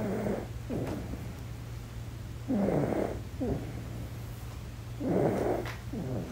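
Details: Infant in deep sleep: regular rattly snores with each breath, about 24 a minute, over a steady low background hum; infant snoring.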